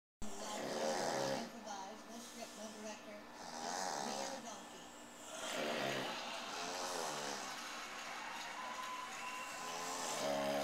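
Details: Loud, rough, rattling snores in long drawn-out breaths, roughly 13 a minute, with overlapping snoring sounds at times, recorded on a Flip Video camcorder in January 2010; snoring.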